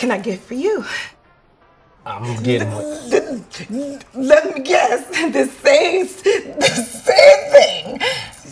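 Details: Acted stuttering: an actress portrays a stuttering waitress taking an order in a comedy film scene.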